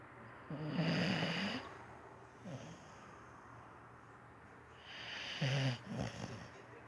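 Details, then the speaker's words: Sleeping female dog snoring: low, rough snoring breaths with a snorting edge and faint room noise between. "She is really snoring. She over here getting it in her sleep, boy."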